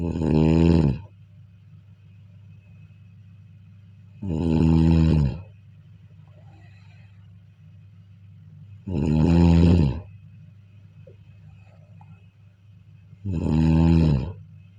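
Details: Four loud, rumbling snores evenly spaced, roughly 16 a minute, over a steady low hum, recorded during sleep: ordinary rhythmic snoring.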